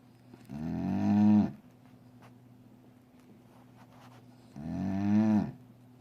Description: Be entertained by this snoring dog that sounds like a cow